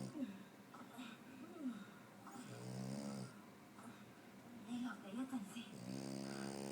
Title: Snoring